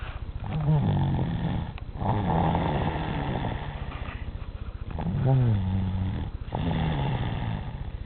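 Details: 3-year-old child snoring loudly at 4:30 a.m., enough to wake the parent: continuous, rumbling snoring with a growling quality through each breath.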